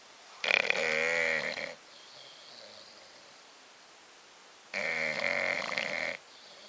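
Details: Sleeping bulldog snoring: two long, harsh, rattling snores about five seconds apart, with quiet breathing between.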